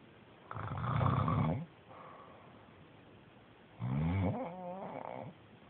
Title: Snoring Zzz